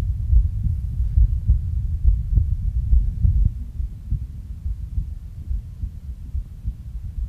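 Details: Pulsus alternans heart sounds played from ThinkLabs digital stethoscope software during a phonocardiography teaching demonstration.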